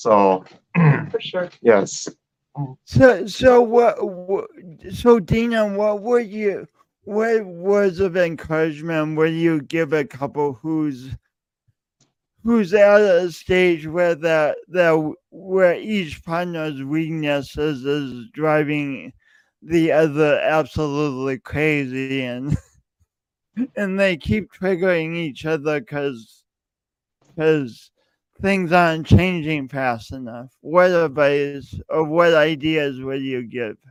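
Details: Male podcast host who says his speech impediment is audible every time he speaks; speech impediment (stuttering-like disfluency).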